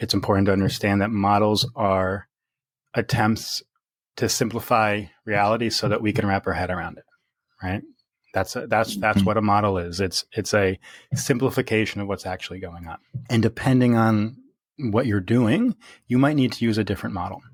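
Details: Real stuttering in an adult man who has stuttered since early childhood, worsening through adolescence; now reports speech as fairly easy after embracing his stutter; repetitions audible.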